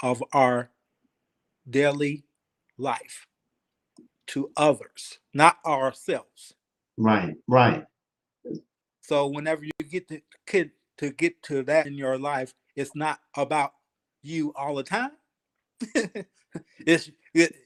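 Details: Aphasia in a 52-year-old man, 3 years after an ischemic stroke, still working on his speech in a real conversation.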